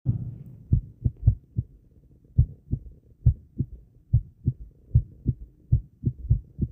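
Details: Low regular thumping heartbeat at about 100 a minute with brief uneven gaps and some skipped beats, recorded a while after exercise with breath holds added, over background noise; a fast heartbeat after exercise.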